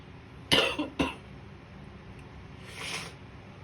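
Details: Two short, harsh coughs then a soft breathy sniff from a woman with a nasty virus after recent flu, very blocked up in the morning after a night of sneezing and a snotty nose; congested cough.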